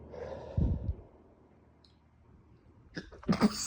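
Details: Late-night sneezing fit: two sharp explosive sneezes with quiet breathing between them.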